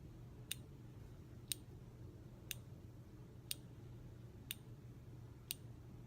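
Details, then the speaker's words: Omnipod insulin pump pod priming itself after filling during a pod change: soft sharp clicks about once a second, six in all, over low room hum. "Tony's away again"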